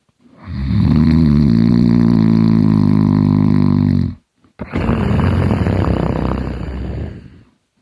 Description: My hard snoring